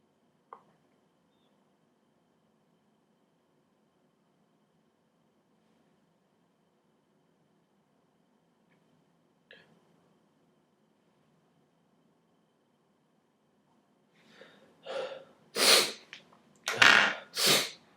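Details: Sneezing set off by pulling nose hairs, fewer than usual: mostly quiet, then a rapid burst of about four loud, explosive sneezes near the end.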